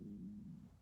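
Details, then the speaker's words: Audible stomach growling (borborygmi) of a hungry adult woman, heard while she talks. "oh my God my stomach just [ __ ] growled did y'all hear that that's how true it is like I'm hungry as hell"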